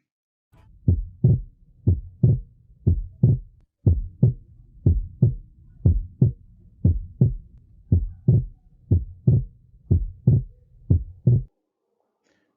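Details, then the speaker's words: Physiological splitting of the second heart sound, with the aortic and pulmonary valve closures heard separately. "qual é a válvula que vai abrir primeiro a ótica ou pulmonar Qual é a válvula que abre primeiro"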